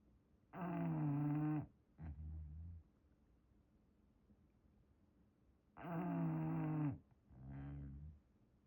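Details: An English bulldog snoring while sleeping in a blanket: loud rattling snores on the in-breath, each followed by a softer snorting out-breath, about seven breaths a minute.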